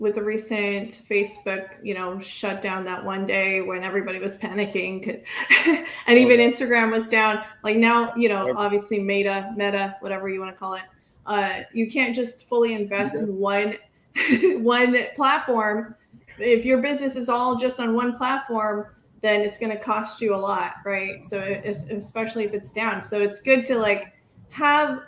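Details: Adult woman speaking; normal speech.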